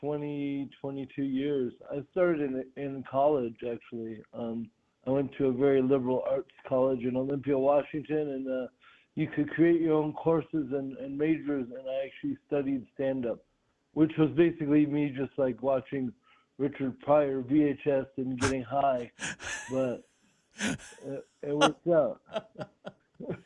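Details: Dysarthria in an adult male comedian with cerebral palsy present since birth, which he calls severe (terrible palsy); real speech recorded during an interview.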